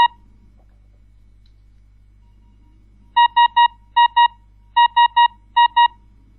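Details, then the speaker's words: Repeated groups of two to three short, high electronic beeps over a faint hum: a Breas Vivo ventilator alarm relayed through remote-monitoring PC software to a central station's speakers. "if an alarm occurs on one of the ventilators it will be shown in the small window and if selected also on the central monitoring station [Laughter] as you can hear the alarm sound will also be heard by the speakers"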